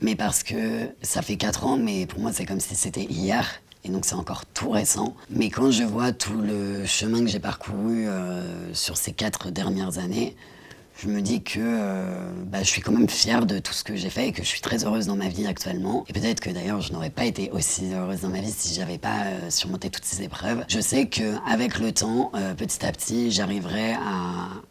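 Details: Woman diagnosed at 22 with left vocal cord cancer, four years after a partial laryngectomy that removed half the larynx including the vocal cords; she speaks using other muscles. Rough voice after partial laryngectomy.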